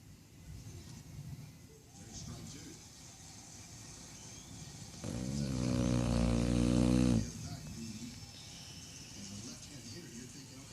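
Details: One loud, low snore lasting about two seconds over quiet outdoor background noise; snoring.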